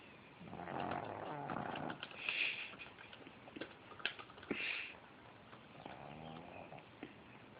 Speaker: Even when the dog's awake, it makes this noise. I guess that's what happens when you're 900 years old.